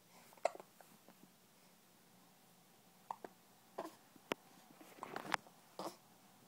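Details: Hiccups: scattered brief, sharp catching sounds at irregular spacing in a quiet room.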